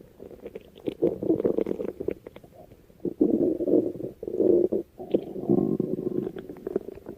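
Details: Low gurgling, rumbling bursts with irregular pauses from a stomach described as "Noodle"; borborygmi (stomach growling).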